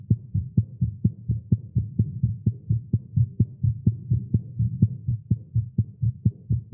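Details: Male's strong, steady, evenly spaced low heart thumps at about 130 beats a minute, recorded live after exercising with caffeine; tagged irregular heartbeat; tachycardia.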